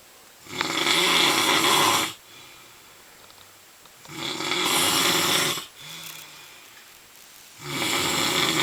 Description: Came home for Christmas and had to endure my brother's snoring.